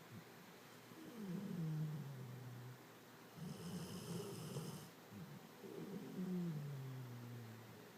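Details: Snoring that has kept the recorder awake for days: low, drawn-out snoring breaths repeating during sleep over a soft steady hiss; snoring.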